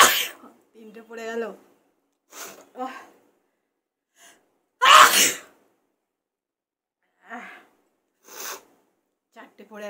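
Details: A sharp, explosive sneeze with a quick in-breath before it, among scattered voice sounds; an ordinary sneeze.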